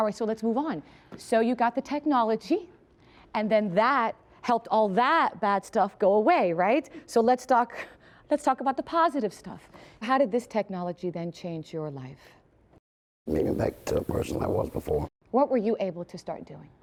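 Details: Adult woman speaking; normal speech.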